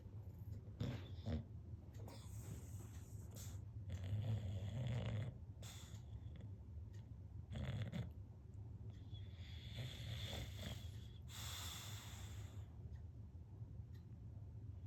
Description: Enjoy the beauty of a bulldog snoring.